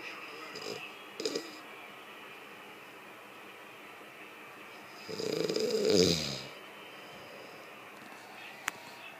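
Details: Sleeping person snoring: a few soft snorting breaths, then one louder rasping snore.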